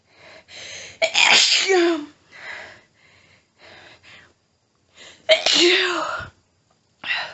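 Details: Female with a nose tickly all day, unknown trigger, trying but failing to stifle: a paroxysmal sneezing fit, a rapid series of very strong sneezes with quick panting breaths between them.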